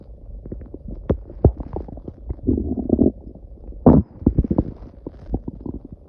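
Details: Loud, continuous gurgling and rumbling bowel sounds with bursts and pops; ordinary stomach growling (borborygmi).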